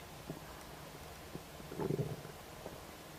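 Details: Stomach rumbling just after eating a snack of ribs: low gurgling and bubbling rumbles peaking briefly in a quiet room; ordinary borborygmi.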